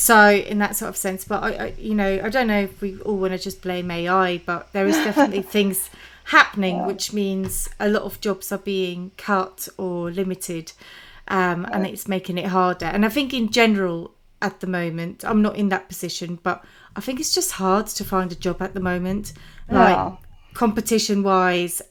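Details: Adult woman speaking; typical speech.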